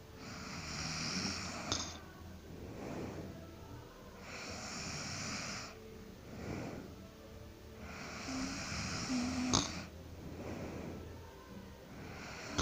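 Rough, noisy breathing sounds recur about every three seconds, with some hiss between them: snoring during sleep, with faint room noise.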